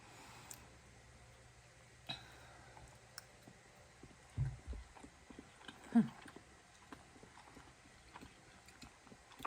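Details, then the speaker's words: Adult eating a French toast breakfast; quiet chewing with a few sharp, irregular clicks from the jaw joint. Long-standing severe TMJ, surgery declined. Jaw clicking from temporomandibular joint disorder. "in advance if you hear my jaw clicking i have a really severe tmj and i've just learned to live with it because i don't want to get surgery and i don't even hear it anymore"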